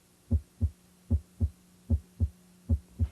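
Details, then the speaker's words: Regular paired lub-dub heart sounds at about 75 beats a minute during stethoscope auscultation in a head-to-toe cardiovascular assessment; normal S1 and S2, S2 best heard at the base of the heart. "determine the patient's heart rate and rhythm and listen for the normal heart sounds s1 and s2 s2 is best heard at the base of the heart"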